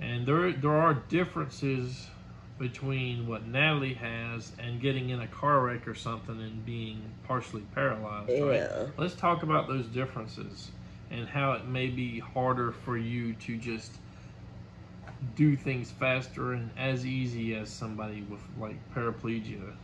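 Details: Adult man speaking; ordinary speech.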